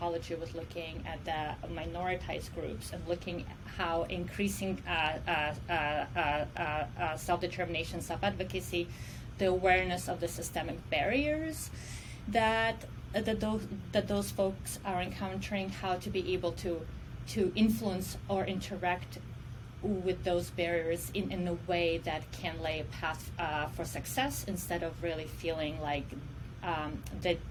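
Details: Adult woman who says she stutters and considers stuttering her disability; stuttering.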